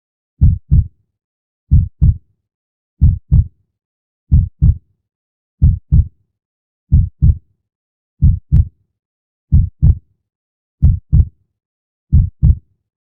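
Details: Clean, regular lub-dub heartbeat at about 46 beats a minute against a silent background, from a 5-minute relaxation recording.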